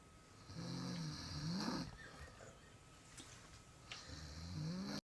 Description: My aunt is taking a nap on the couch and her snoring builds up and gets louder the longer she is out cold!